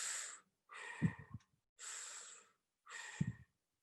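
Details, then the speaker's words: Stethoscope over lung consolidation (pneumonia): harsh, hollow breath sounds like blowing into a tube, with a clear gap between in and out breaths; bronchial breathing. "what is there as if blowing into a tube and that is called bronchial breathing bronchial breathing so over consolidation you can hear a patch of bronchial breathing"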